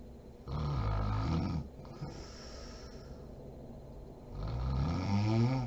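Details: Mother (adult woman) asleep: low, rumbling snores on two breaths with a quiet pause between; ordinary sleep snoring.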